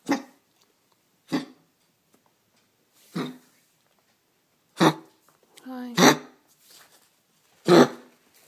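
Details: Dog coughing, given tea for its throat: six short, harsh, bark-like coughs spaced irregularly a second or two apart, with a brief whine.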